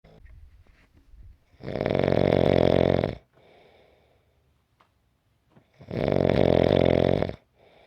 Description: 5-minute clip of snoring.